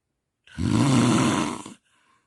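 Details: Loud, rough, rattling snore on inhalation lasting over a second, from a compilation of snoring recorded over four nights, presented as sleep apnea and snoring; heavy snoring.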